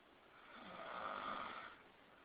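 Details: Man snoring very loudly at 3 a.m.: a single rough, rising and fading snore-like breath, noisy and muffled, peaking mid-clip, with quiet room sound around it.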